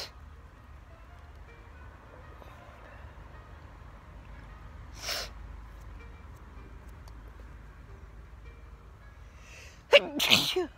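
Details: Outdoors in a summer garden, a person allergic to grass gives a soft sneeze-like burst, then a sharp, forceful sneeze near the end; sneezing.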